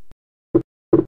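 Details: Wide, persistent (not fixed) split S2 from right bundle branch block: the two components stay separated through respiration and do not fuse into a single sound during expiration, heard as a broad, doubled second sound.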